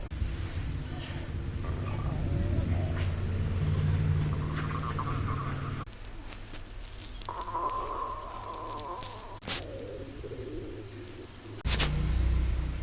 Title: hungry girls stomach growling